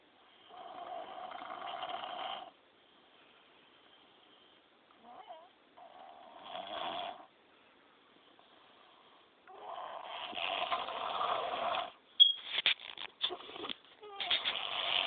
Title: FW:My son snoring like a grown man smh